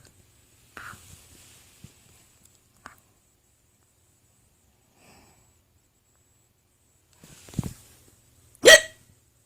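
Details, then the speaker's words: An adult woman's several short, sharp involuntary hiccups in a quiet room; she says stress tends to bring them on and make them last longer. "I had one of my fans say that when he hears my hiccups it makes him want to uh hug me for whatever reason"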